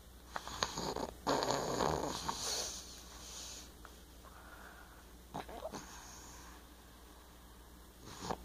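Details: Rough, rattling snorts on inhalation with quieter noisy breaths between, against room hiss: a person (Aiden) snoring.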